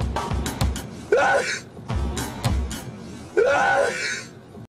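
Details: A man sneezing twice, clips taken from two different episodes: two voiced, sudden bursts with rising pitch over music and room noise; sneeze.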